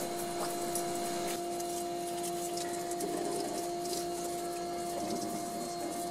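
A steady mechanical tone with a hum and light water spray noise comes from a small dental milling machine running.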